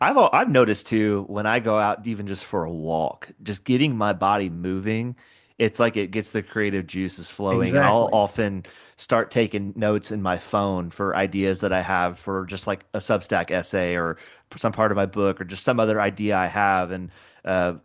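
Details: Adult man speaking; normal speech.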